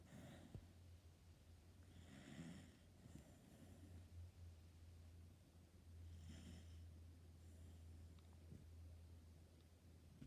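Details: Dachshund dog asleep, snoring: two slow, rough inhaled snores about four seconds apart over a steady low hum; quiet recording, volume up recommended.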